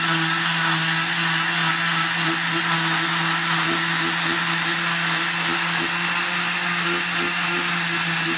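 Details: Cast removal: steady high motor whine of an oscillating cast saw cutting through a well-cushioned cast, with scraping as the blade works. Cast saw.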